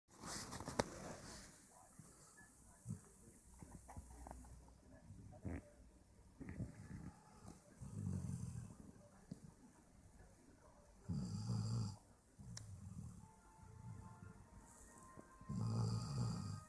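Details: Low, rough rumbling breaths at irregular intervals with snorting noises between: snoring from a sleeping dog, Toby, with his mouth open.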